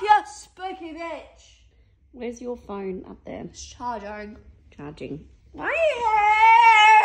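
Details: Female with Tourette syndrome, ticcing heavily that day with somewhat aggressive tics, having taken extra medication to calm them; vocal tics of Tourette syndrome.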